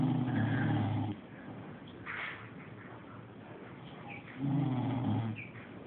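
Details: Adult man (dad) snoring during sleep: two loud, rough, low rumbling breaths separated by quieter breathing.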